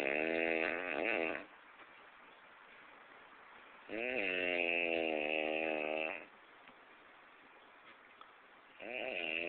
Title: snoring haitian